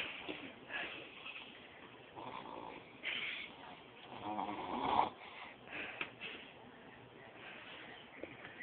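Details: Sleeping baby boy who fell asleep while eating: soft, irregular snuffly breathing noises over low room noise, light snoring.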